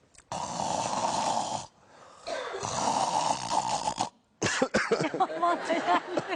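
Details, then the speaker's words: Snoring demonstrated in a discussion of snoring and sleep apnea: vibration in the mouth and throat, where the tongue, tonsils and uvula may narrow the airway. "titreşim bu bölgelerde bu bölgelerin şimdi titreşmesi nedeni ne olabilir yani bu ağız içerinde ağız içerisinde yer tutturan büyük dil var bademcikler var ondan sonra küçük dil var"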